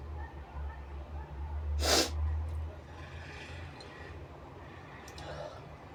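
A single forceful sneeze burst followed by breathy sniffing sounds.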